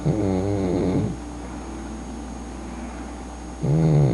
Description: Who knew that a tiny little pug puppy girl could snor so loud !